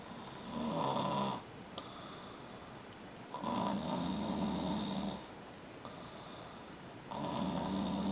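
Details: Snoring while asleep on a sofa at 1 p.m.: rhythmic, rough, rattling breaths about 18 a minute alternating with quieter pauses.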